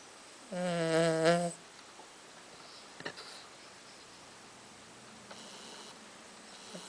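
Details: Pet Charlie, freshly shaved for summer and wearing a jumper, snoring as usual: single whistling, tonal snore about a second long, then quiet breathing; snoring.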